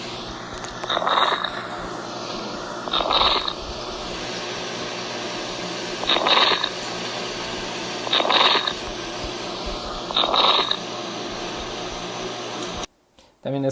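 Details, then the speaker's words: Dry crackles: short bursts of dry crackling every two seconds or so over steady hiss; teaching recording from a chest examination lesson. "si logran escucharlos el sonido aparenta como un globo tratando de inflarse no sea así así si lo podemos identificar es son sonidos muy sutiles y estos se pueden encontrar específicamente en los alveolos"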